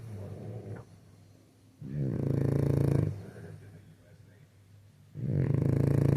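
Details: Loud, low rattling snores on each in-breath, about two in six seconds, with quieter exhalations between; a sleeping dog snoring.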